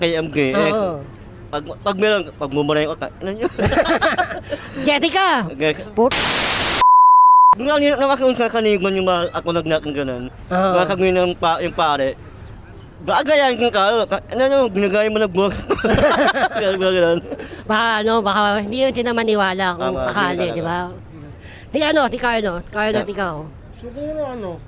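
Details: Young man who had palate surgery as a child; hypernasal speech after cleft palate repair.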